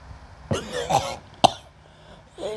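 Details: Harsh repeated cough bursts with throat clearing in a person with a long-standing chronic cough, recorded during a ruqyah session; cough.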